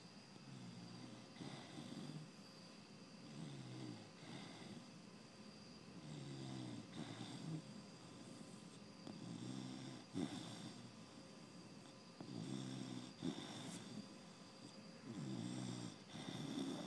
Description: Barrett - my four and a half month old Pit Bull puppy - snores in his sleep.